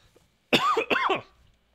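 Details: Adult who has had a headache all day and felt cold and unwell, with a throat that hurt earlier and a possible illness picked up from a visiting friend: two rough, throaty coughs in quick succession in a quiet room.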